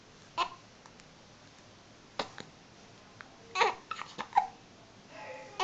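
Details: Newborn baby a few days old, still in hospital, with several brief, sharp catching sounds at irregular intervals and soft infant vocal noises in a quiet room: hiccups.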